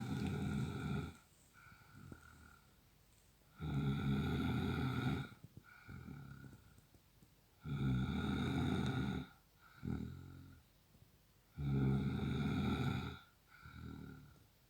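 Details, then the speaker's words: Man snoring in sleep: deep, loud rumbling snores on each inward breath, softer outward sounds, about 15 breaths a minute; heavy regular snoring. "Can I sleep with this snoring machine?"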